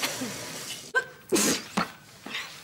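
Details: Simulated: an actress with a cold in a German TV drama (2003): short bursts of nose-blowing and a sharp sneeze-like burst in a quiet room; sneezing.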